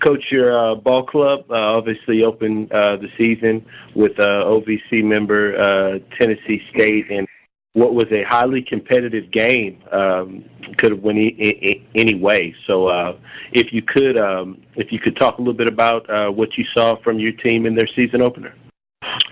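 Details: Adult male speaker, teleconference; ordinary speech.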